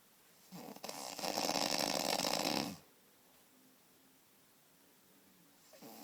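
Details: A long, loud, harsh rattling inhalation followed by a quiet pause; heavy snoring.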